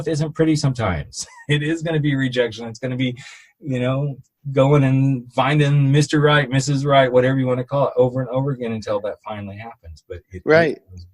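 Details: Adult male speaker; Normal adult speech.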